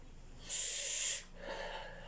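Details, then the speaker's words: Metered-dose inhaler demonstration using a placebo inhaler with no active medication, showing correct asthma inhaler technique (shake, remove mouthpiece, puff): a short hissing spray burst followed by a softer breath in as the puff is inhaled. "Kindly follow the steps, and also you can help another person who does not know how to correctly use the inhalers. So shake, remove the mouthpiece, puff,"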